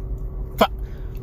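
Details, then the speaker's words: Person with Tourette syndrome, a stand-up comedian from Texas, gives one abrupt, brief voiced yelp over quiet room hum while introducing himself: a simple vocal tic. "my name is most people just call me and i have tourette syndrome"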